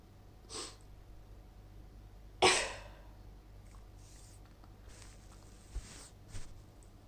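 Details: Female with a cold coming on, sneezing: a faint sneeze-like burst, then one loud forceful wet sneeze, followed by quiet sniffs and breaths in a small room; repeated sneezing.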